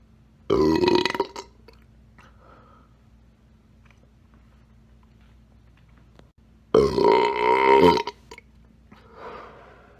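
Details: Two loud, deep, voiced belches, each about a second long, with quiet between them; burping.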